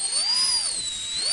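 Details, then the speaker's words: High-speed dental handpiece with a tapering fissure bur held parallel to the tooth's long axis, removing the lingual shoulder during root canal access cavity preparation on a maxillary anterior tooth: loud, shrill, wavering drill whine. "Change the round bur to a tapering fisher bur. And this tapering fisher bur is held parallel to the long axis of the tooth not perpendicular."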